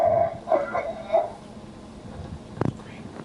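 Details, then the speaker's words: Simulated vomiting from an HPS patient mannequin, selected from its vocal menu: three short, strained voiced retching heaves followed by a faint click. "Go back into the menu and you can select another choice, such as a vomit"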